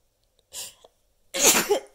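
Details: Person counting sneezes toward ten: a soft hissing burst, then a louder explosive sneeze about a second later, two sneezes in a small room.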